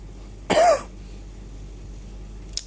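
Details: Productive phlegmy cough from a cold ("masuk angin") with slight breathlessness and phlegm not clearing: a single cough burst in a quiet room.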